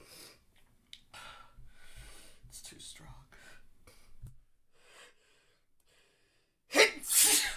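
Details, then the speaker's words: Male stifled sneeze: breathy gasps and held-in sounds build as he tries to hold back a nose tickle, ending in one forceful sneeze. Sneezing. "Tickle keeps coming back stronger. I don't think I can hold. I don't think I can hold this one back."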